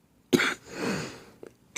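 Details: Adult sick with a cold-like illness, with a crackling voice and lost taste: a single sharp cough followed by a longer rough, breathy expiratory sound, amid frequent coughing.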